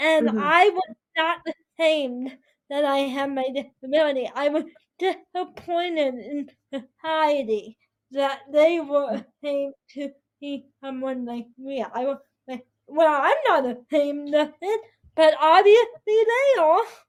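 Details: 22-year-old woman with spastic quadriplegic cerebral palsy affecting her whole body including speech, right side impaired, uses walker or wheelchair; dysarthria (cerebral palsy).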